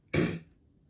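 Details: Throat clearing in an adult with a really bad sore throat; a single harsh, forceful throat clear with a cough-like burst, fading within half a second.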